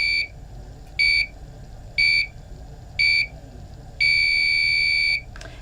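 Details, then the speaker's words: LVAD controller (apparently HeartMate II) shutdown demonstration. With the batteries disconnected, the battery button is pressed and held: four short high beeps one second apart, then a long tone as it counts down and goes to sleep. "now we're going to press and hold the battery button and it's going to count down"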